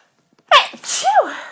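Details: One sharp sneeze with a quick inward breath and a loud burst, from an adult sneezing due to dust allergy while talking.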